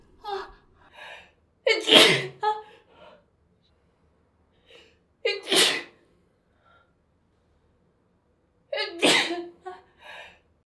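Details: An adult woman sneezing, recorded with her permission; sneeze.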